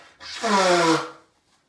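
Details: Adult in the morning, also blowing nose and coughing: a single rough, raspy throat-clearing that ends in a voiced groan, hawking up phlegm.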